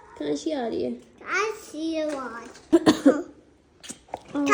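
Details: An adult gives a quick run of three sharp coughs, an ordinary cough, while a toddler babbles and squeals nearby.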